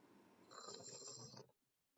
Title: Sleeping Girl Mouth Open & Snoring